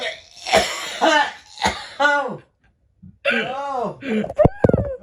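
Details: A few sharp, harsh cough bursts from an adult man (the recorder's dad) mixed with voiced and speech-like sounds; ordinary cough.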